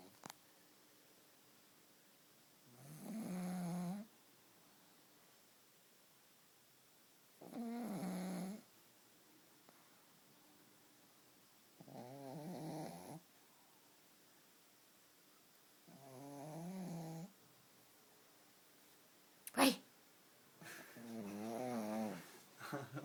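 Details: Pug resting on his back snores rhythmically, with about five rough, rattling snores spaced several seconds apart. Snoring.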